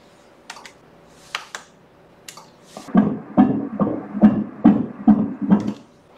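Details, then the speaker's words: Fetal heartbeat at 21 weeks' gestation on Doppler during a second-trimester morphological ultrasound: rapid, regular whooshing pulses at 144 beats per minute, normal. "Ko te tere o te ngakau i tenei wa kei te 144 nga pao i ia meneti."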